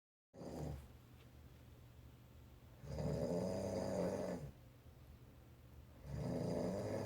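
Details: Roommate snoring loudly while asleep at night, recorded from the opposite side of the room: low, rumbling snores lasting over a second each, about three in seven seconds, with quieter breathing between.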